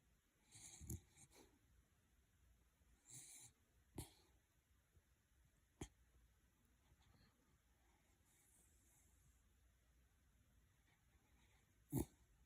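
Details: Sleeping Jack Russell terrier, possibly dreaming, with soft, irregular snoring breaths, a few faint snorts and clicks, in a quiet room.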